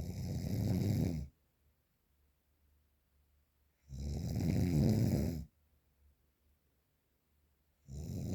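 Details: Very loud, deep, rattling snores with silent pauses, about one every 3.5 seconds; real, unprocessed recording of heavy snoring.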